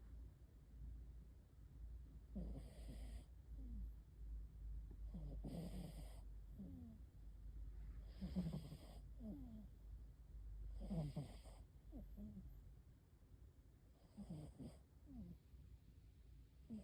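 Soft rhythmic rattling snores from a sleeping cat, about five breaths in the stretch, over low steady room hum.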